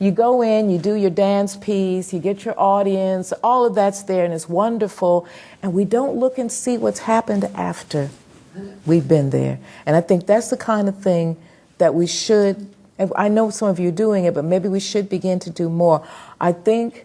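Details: Adult woman lecturing; normal voice.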